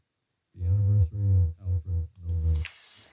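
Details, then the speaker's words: Simulated bilateral moderate-to-severe sensorineural hearing loss, left ear, male voice reading a passage: sounds like speech heard with the head underwater, diminished and unclear, with volume, clarity and tonality affected. "for the left side it sounds like the heads your heads underwater and somebody speaking above it and you know it's quite diminished not so clear so there's a volume Clarity and tonality issue"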